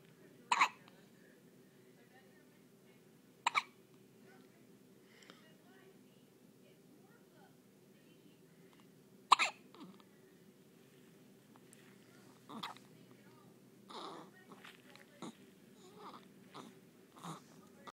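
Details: Squeaky hiccups: three sharp, squeaky hiccups spaced several seconds apart, then softer faint sounds toward the end.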